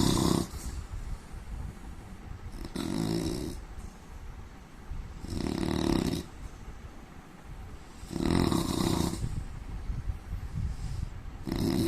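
Loud, rough snores on each breath in, about 13 a minute, with quieter breathing out between them. Ordinary snoring.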